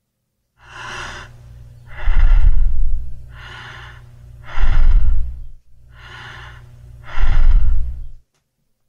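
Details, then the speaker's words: Normal breathing (eupnea) demonstration in a cardiopulmonary physical therapy lecture on heart failure and breathing patterns: steady, even breaths, soft inhale then louder exhale, repeating regularly over low background hum. "we know that the brain normally controls the normal breathing pattern"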